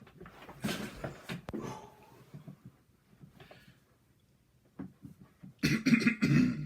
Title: Clearing my throat